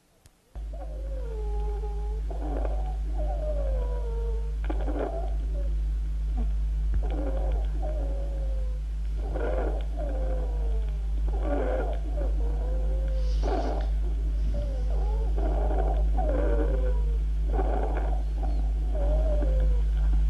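Repeated high, musical whistling tones that slide in pitch, like chirping, over a steady low hum: wheezes.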